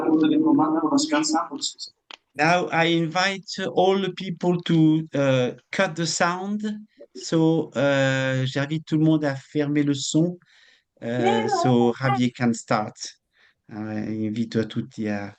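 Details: Adult male speaker; ordinary speech.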